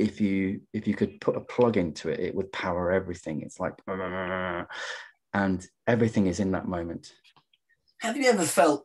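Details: Adult who stammers, real, speaking in a stammering-association webinar: stammering.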